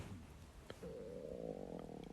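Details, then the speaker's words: Adult male: a low gurgle, then a sustained rising groaning rumble over a second; stomach growling (borborygmi) that has been going on for a while. "has been growling for like a hot minute. I want to see if I catch it on camera."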